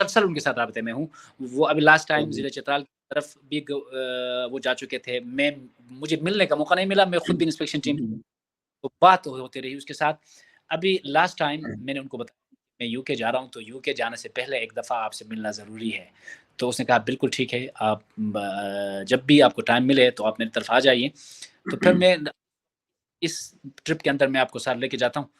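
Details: Stuttering in an adult man who stammers, has largely worked on his stammer, but still stutters at times, e.g. when someone is upset with him.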